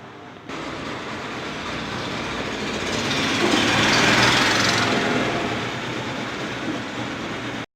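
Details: Steady mechanical hum and rattle of a nebuliser compressor machine running, with a brief swell in loudness midway.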